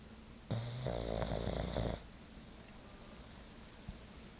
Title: Snoring Pug Tries To Take a Nap